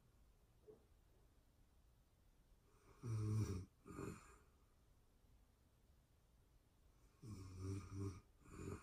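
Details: Real-time recording of a person asleep: two breath cycles about four seconds apart, each a low rattling snore then a softer breath out, in a quiet room; snoring.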